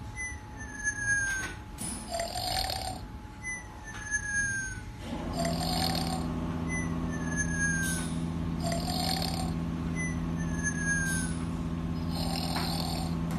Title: Snoring animal wireless charger